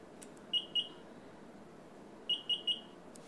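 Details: Two short high beeps, a pause, then three more: keypad presses on an IV infusion pump while setting a secondary IV piggyback rate of 150 mL/h and dose limit, a normal operating sound.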